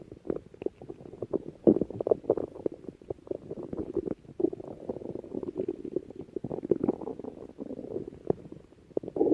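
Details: Continuous low gurgling and bubbling with scattered louder pops, stomach growling (borborygmi) from Lal Mirch.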